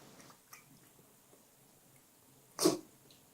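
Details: A single sharp sneeze after a few faint sniffs from a dog; sneezing.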